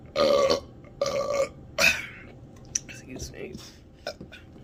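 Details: Three loud, long belches in a row after drinking Dr. Pepper, followed by faint mouth sounds and room noise; burping.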